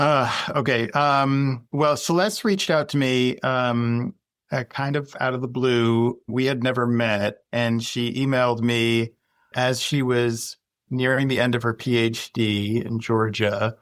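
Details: Adult male speaker; normal speech.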